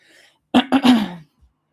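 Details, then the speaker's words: Adult reader with a strained voice, during a book reading, clears the throat with a couple of quick voiced bursts, then a short cough. "I am so sorry about my voice, y'all."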